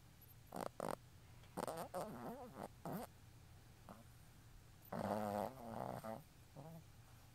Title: Boston terrier is snoring